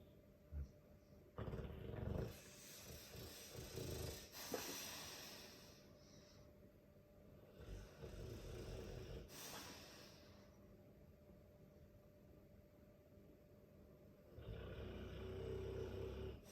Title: Dogue de Bordeaux - If you are annoyed by your partner’s snoring listen to this 💤😂